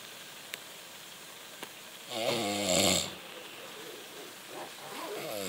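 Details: A single rumbling, buzzy snore on an in-breath over quiet room noise; snoring.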